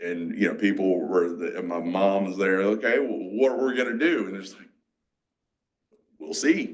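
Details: 47-year-old man with aphasia, a mix of Broca's and Wernicke's, after a massive stroke 6 years ago, with strokes and seizures; he relearned to talk and still has word-finding blocks.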